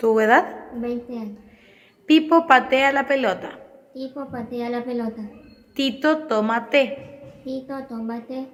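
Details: Child with cleft lip and palate and velopharyngeal insufficiency repeating test phrases; fairly intelligible speech with nasal resonance. Hypernasality.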